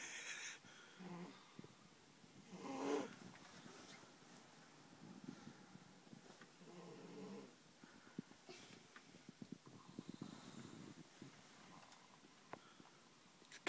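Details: A young girl heavily snoring during sleep on a bunk bed at a sleepover; loud snoring.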